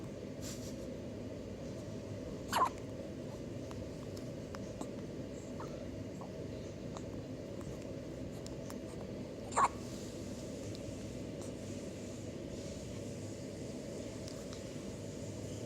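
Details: An infant's first hiccups: two sharp, brief hiccup sounds about seven seconds apart over steady room noise.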